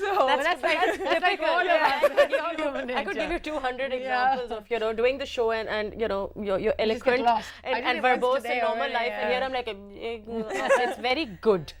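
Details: Adult woman, talk show host; fluent speech.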